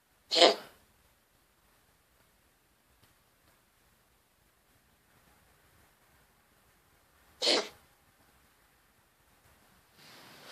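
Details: Two short, sharp, explosive coughs from a pet cat, about seven seconds apart, with near silence between; owner suspects respiratory issues.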